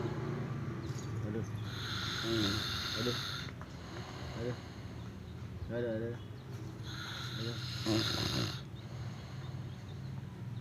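Rough, noisy breathing sounds during sleep with fluttering snores, over a steady background hum: snoring.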